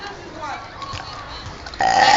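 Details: A drawn-out, voiced belch lasting nearly two seconds, then louder noise at the end, during a burping challenge with friends.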